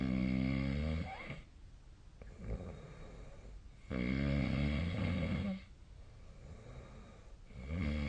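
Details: Loud, rhythmic buzzing snores with each breath, about 16 a minute, with quieter breathing between them, recorded during sleep: snoring.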